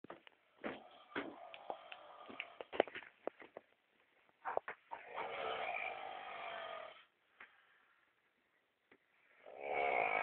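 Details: Snoring.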